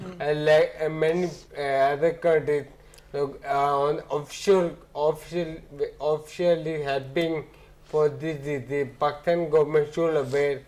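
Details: Ataxic dysarthria in an adult man with ataxia, symptoms beginning around 2007, about a year after marriage.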